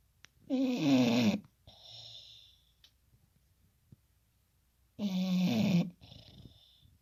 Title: Snoring Bulldog